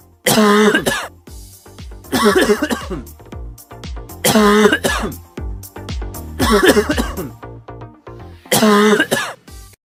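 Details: Demonstration of wet versus dry cough: five voiced adult cough bursts over soft music.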